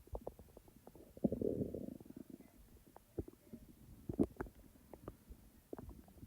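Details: Real stomach sounds recorded from the person's own stomach, not in real time: soft gurgles and a brief rumble with scattered small pops; normal digestive bowel sounds (borborygmi).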